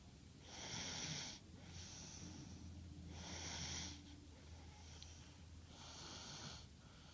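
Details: Snoring during sleep: rhythmic noisy breaths, a louder rasping intake alternating with a softer outflow, with a faint low rumble, about 23 a minute.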